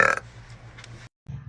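A short, low, rumbling belch followed by a brief pause and a softer voiced sound; an ordinary burp.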